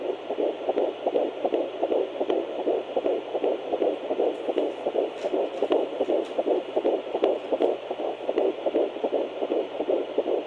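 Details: Fetal heartbeat at 11 weeks 3 days of pregnancy: rapid, regular whooshing at about 158 beats a minute.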